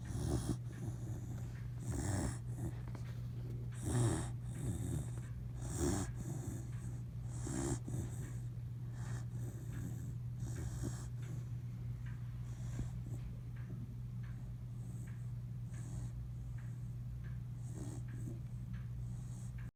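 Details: Dog snoring: soft, low, irregular snorting breaths over a steady room hum, about 30 per minute.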